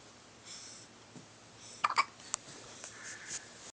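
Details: A couple of small, sharp hiccups with soft breathing in a quiet room from a tiny baby girl; hiccups.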